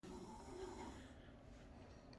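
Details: Wife snoring at home: a single long, low, rough rattling breath fading over about two seconds; snoring.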